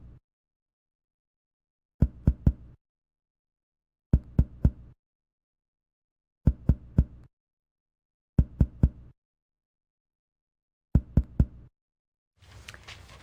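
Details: Percussion over the posterior chest during a demonstration of a respiratory physical assessment: percussion note, posterior chest.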